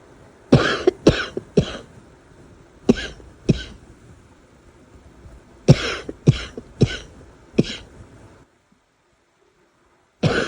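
Fit of about ten harsh, deep coughs in bursts with short pauses; barking cough after holding back a cough for a long time.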